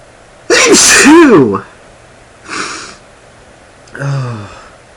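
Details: Male sneezing, sneezes self-induced, speaker reports feeling stuffy: one loud voiced sneeze with a sharp burst, then a softer breathy exhale and a short voiced sound.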